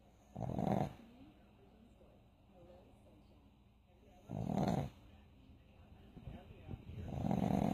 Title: Snoring pug